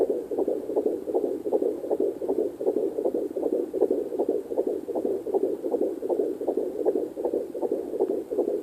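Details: Fetal heartbeat at 14 weeks 1 day on a Sonoline C2 fetal Doppler: rapid, regular whooshing, galloping beats at about 158 a minute.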